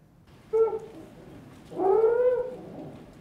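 Two high-pitched, musical, whistling noises on breathing in, the second longer and rising slightly: musical inspiratory stridor in an infant.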